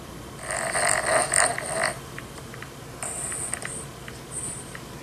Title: Dog is woken up by the sound of his own snoring